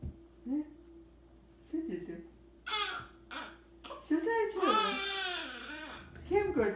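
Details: 11-day-old baby frightened after a first sneeze: short fussy wails building into a sustained cry, with father soothing and chanting in background; infant cry.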